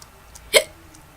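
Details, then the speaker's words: Recurrent hiccups while playing a video game: a single sharp, abrupt hiccup over quiet room noise. "and i just got the hiccups again"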